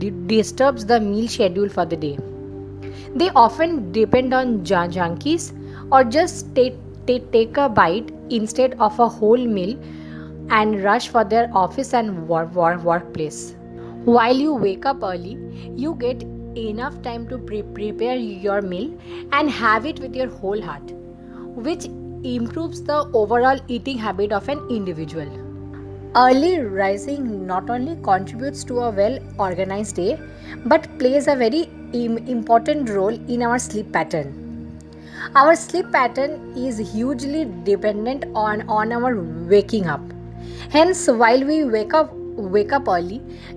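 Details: Woman who presents herself as a stammering vlogger, speaking in real life; stuttering.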